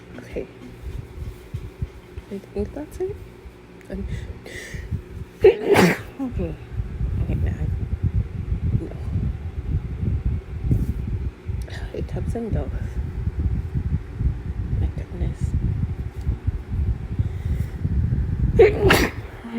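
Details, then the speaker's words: Two sharp, explosive sneezes between breathy sounds and noisy handling in a small room, deliberately triggered with chhinkni sneezing powder (snuff); the person describes the sneezing as intense and painful and tries to stifle some; induced sneezing. "Honestly, probably have never sneezed like this in my life. But hey, at least it works."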